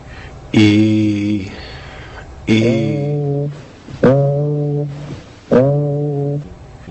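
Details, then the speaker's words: Patient asked to say "ee" over the chest: sustained "ee" vowels heard as a nasal "ay", egophony suggesting underlying lung consolidation. "when e sounds like a and has a nasal quality as in this example egophony is present suggesting underlying consolidation of lung tissue"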